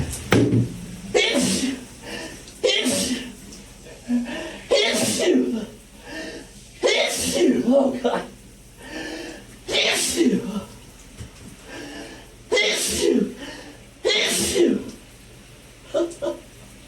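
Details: Repeated sneezing in a shower after taking Chhinkni snuff: about eight forceful sneezes, each with a sharp intake and loud burst, with quiet exclamations between, in a small room.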